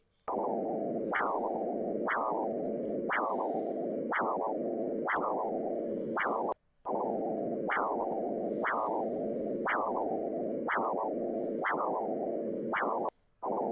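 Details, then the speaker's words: Rhythmic whooshing pulses, sharp systolic rise then fading diastolic swish, about 60 a minute: a pulsed-wave Doppler arterial flow signal shown with systolic and diastolic velocities. "Esto es lo que llamamos Doppler de onda pulsada sobre este gráfico me está representando velocidad máxima o sistólica velocidad mínima o diastólica en función del tiempo"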